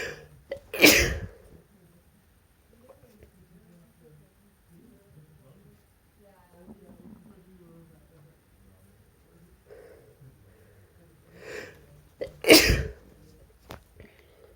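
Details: Induced sneezes from a male: two forceful sneezes about twelve seconds apart, each preceded by a short inward breath, with quiet shuffling between.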